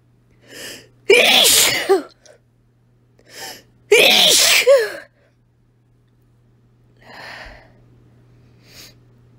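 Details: Woman sneezing after deliberately inhaling chili powder, recorded on a phone: two forceful sneezes, each preceded by a short in-breath, then quieter breaths and sniffs.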